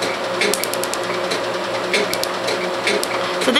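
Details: Q-switched 1064 nm laser, first treatment of an old multicolored tattoo, iced for pain relief, targeting the black ink: irregular sharp snapping clicks over a steady machine hum, laser tattoo removal pulses.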